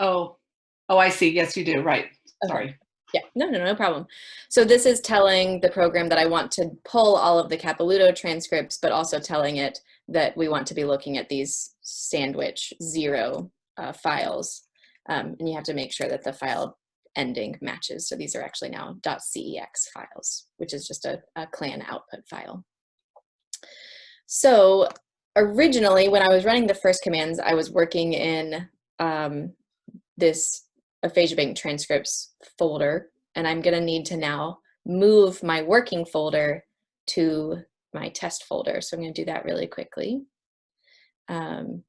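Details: Adult; no disorder.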